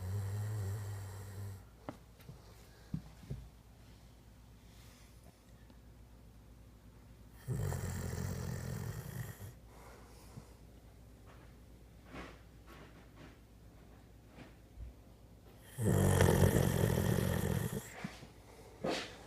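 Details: Two loud, low, rattling snores about eight seconds apart, with quiet breathing and small snorts between them in a still room; snoring.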